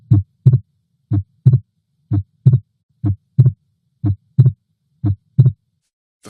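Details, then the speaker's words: Fixed split second heart sound from atrial septal defect, where increased right-sided flow causes the fixed S2 split and a systolic murmur; regular heartbeat about 60 per minute with an S2 split that stays constant. "flow across an ASD leads to increased right sided flow that's the cause of the fixed S2 split and also the cause of the systolic murmur and I've got an example of a fixed split second heart sound which I'll play for you"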